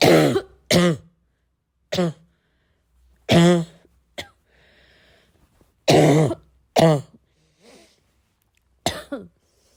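About eight loud, irregular cough bursts mixed with throat clearing and a couple of quiet sniffs; a repeated coughing fit.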